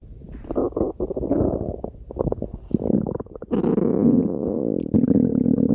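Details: Ruby's stomach growling: low, bubbling gurgles and rumbles rolling on and off, gas and fluid moving through the gut; borborygmi.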